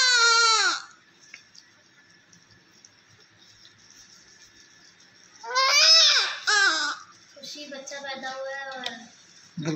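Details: Newborn baby being cleaned of vernix with baby oil: loud, clear cry bursts with pauses and faint room voices; a vigorous, normal newborn cry.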